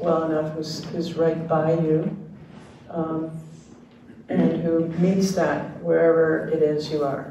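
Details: Dysarthria in ALS (diagnosed late 2021) in a man, retired pediatrics professor; his jaw trembling is neurologic clonus, not crying, per his wife, who translates for him.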